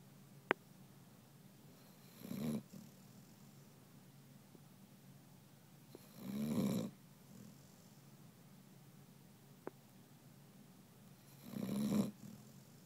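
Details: Dog from a boxer rescue snoring during sleep: three soft, rough snores spaced several seconds apart, roughly 11 a minute, in a quiet room.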